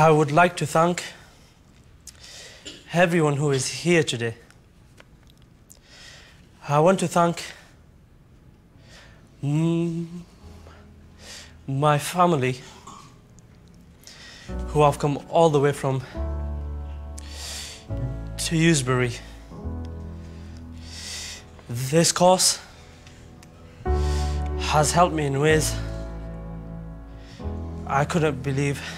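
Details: An adult student on an intensive four-day stammer course gives a closing speech on the final day; stuttering.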